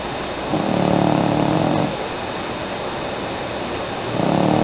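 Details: Loud rumbling snores from a sleeping female cat about 13 years old, two long inhaled snores with a quieter pause between, over steady background hiss.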